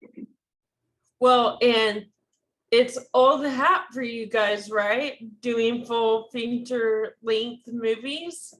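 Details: Woman diagnosed with ALS in 2014, speaking on a panel; her speech is slurred and hard to make out; dysarthria due to ALS.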